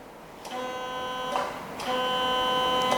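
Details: Steady electronic buzzing tone, broken briefly and resumed, with clicks; the activation tone of a Heal Force electrosurgical unit in bipolar mode, triggered by a single-pedal foot control in a product demonstration.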